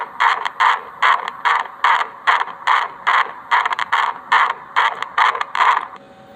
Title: Fetal heartbeat sound( भ्रूण की दिल की धड़कन की ध्वनि)#video#baby